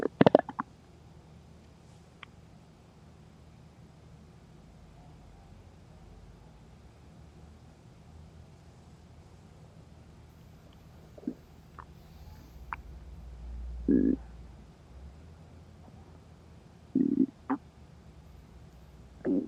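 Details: Person who skipped eating before and during work after forgetting lunch: quiet room with a few short low gurgling rumbles; hunger stomach growling (borborygmi).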